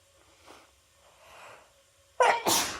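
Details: Person with a cold, after holding back sneezes all day, sneezes with help of chhinkni: two quick sharp bursts of noisy air after a brief quiet intake; a single sneeze.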